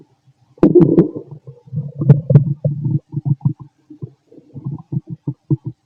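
Loud bubbling gurgles and rapid popping rumbles; active stomach growling during digestion, a normal finding.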